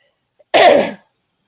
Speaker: I feel okay to go it's just this cough I'm giving a color back yay I'm happy about that